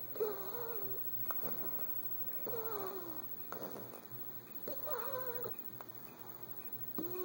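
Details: A sleeping cat snores with a whistling, slightly squeaky tone on each breath, about 26 per minute.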